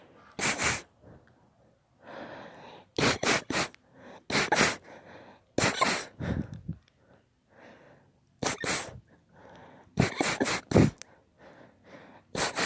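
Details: Child (daughter) with allergies sneezing about a dozen times in quick succession with sharp breaths between bursts; rapid allergic sneezing fit.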